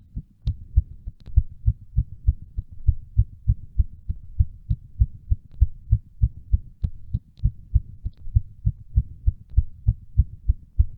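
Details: Heartbeat recorded during a workout: a steady, strong thumping at about 98 beats a minute; a fast rate from exercise.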